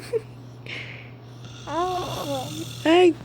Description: My Baby loves when daddy snores, he smiles and talks wile he listen at him snoring